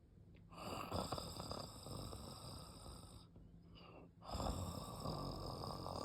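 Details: Shiba Inu dog snoring loudly while asleep, loud enough to wake the owner: rough, rattling snores, two long noisy breaths with a brief quiet pause.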